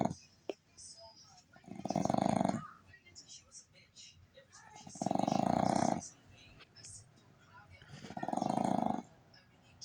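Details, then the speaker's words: Boston terrier snoring with eyes still open: three loud, rattling snores about every three seconds, roughly 20 breaths a minute, with faint room noise. "how are you snoring when you're awake oh don't pretend now are you sleeping"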